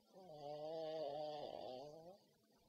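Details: Pug snoring loudly while asleep: one drawn-out, whining, buzzing breath rising and falling in pitch, from a flat-faced dog's narrowed airway.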